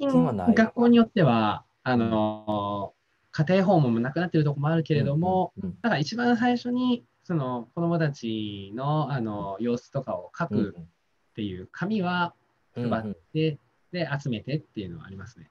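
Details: Adult speaker; typical speech.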